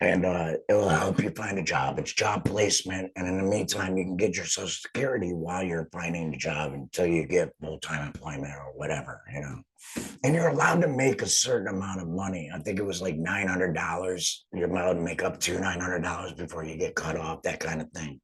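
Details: Adult man speaking; alaryngeal speech after total laryngectomy.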